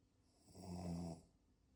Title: Dogs Snoring 🤭🤭🤭🤭.